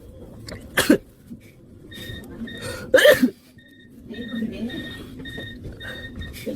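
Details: Two sharp sneeze bursts from a young Asian woman, induced by nasal swabbing with Q-tips in a clinic setting, over low room noise and faint beeping.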